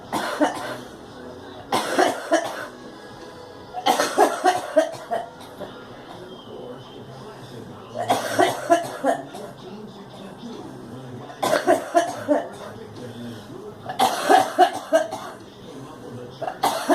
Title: Girl coughing